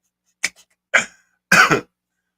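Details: Adult who says he is still sick and achy gives three short, dry cough bursts, the last one doubled, in a quiet room.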